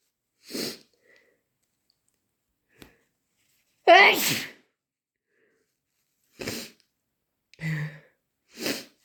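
Several sharp, forceful sneezes with silent pauses between them, one especially loud and drawn out, from an adult in a quiet room.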